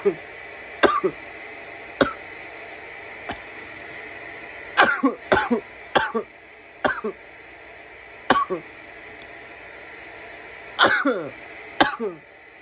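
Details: Coughing fits after smoking from a bong: about a dozen harsh cough bursts in clusters with a steady background hum; irritant cough.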